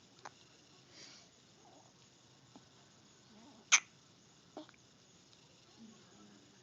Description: Yet another bout with the dreaded hiccups